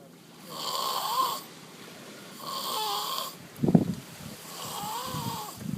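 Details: Snoring at sea in the South China Sea, loud enough to drown out the waves: three slow, regular droning snores, each about a second long, with a brief snort between them.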